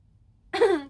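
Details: A single short voiced cough after near silence from a streamer during a live novel-writing stream, heard loudly through a listener's headphones; cough.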